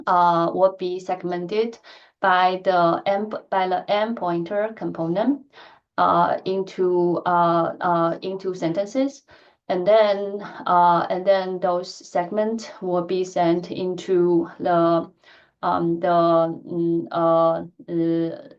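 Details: Stuttering in an adult woman who stutters; she reports that her stuttering pattern varies greatly depending on who she is speaking to and the situation.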